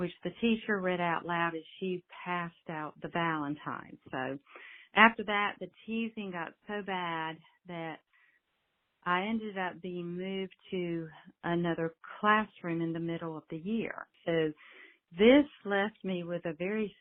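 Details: Adult female speech-language pathologist of over 35 years who has stuttered since childhood, learned to modify it, still stutters with good and more challenging days; stuttering.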